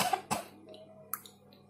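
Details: Two quick, slightly muffled coughs, acted to demonstrate covering the mouth with a tissue when coughing, followed by faint rustling: cough.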